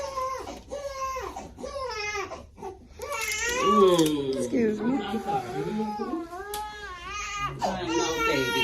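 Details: Loud, rhythmic wailing cries with brief catches of breath from a newborn boy at his first vaccinations, a pain cry after injections; an adult soothes him, then gives a sweet oral liquid, with soft music behind.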